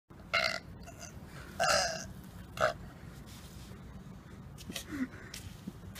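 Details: Three loud, throaty burps in quick succession, then quieter background noise; burping during a public prank.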